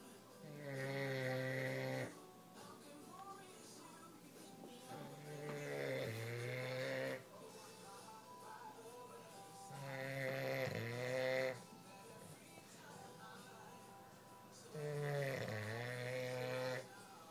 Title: Tebow the English bulldog snoring